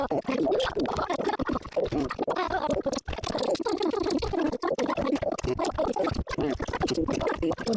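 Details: Sped-up recording of steady gurgling, bubbling rumbles of gas and fluid moving through the gut: hunger stomach growling (borborygmi).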